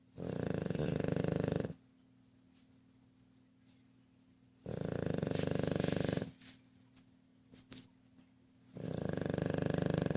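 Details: Loud, rattling snores of about one and a half seconds, repeating every few seconds, with quiet room noise between them; snoring.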